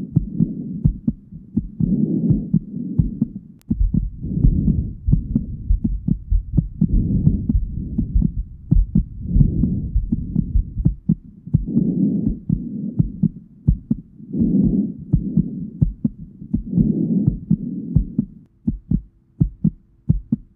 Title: hearing heartbeat and breathing